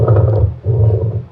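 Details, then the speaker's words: Lung sound example of a pleural friction rub: loud, deep, harsh grating sounds in two bursts with breathing, from inflamed pleural surfaces rubbing, as in pleuritis. "Grug, grug, grug, grug. Lakas ng tunog. Yan po, yung baga nagra-rub dito sa balot ng baga."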